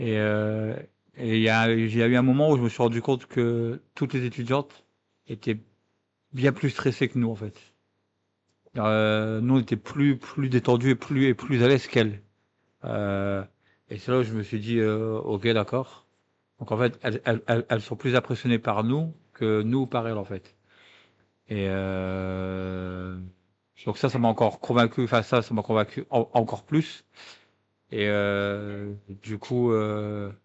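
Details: French-speaking comedian who stutters and says he has Parkinson's disease, with repetitions; stuttering.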